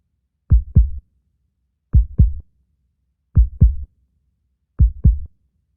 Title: The Sound of the Beating Heart